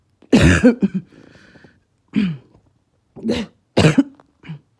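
Four harsh, hoarse cough bursts with a seal-like barking quality, a brief wheezy whistle after the first; a barking cough.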